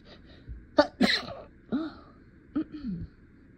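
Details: Acted scenario of a lawyer sneezing during a court speech: a few stifled, held-back sneezes in quick succession with breathy catches between them, over faint room noise; the sneezer reports feeling stuffy.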